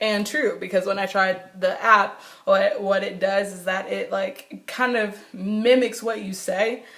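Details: Adult woman who has stuttered since she began talking in childhood and still stutters; nervousness, excitement or anger intensify it and phone calls make it far worse; stuttering.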